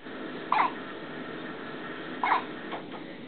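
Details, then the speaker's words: One-day-old newborn baby girl with hiccups: two short, sharp hiccups about two seconds apart over steady room noise, recorded up close. "did daddy scare him out of you no she has mommy's hiccups"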